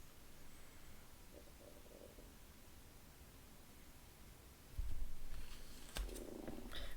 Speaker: stomach is growling if you can hear my stomach growling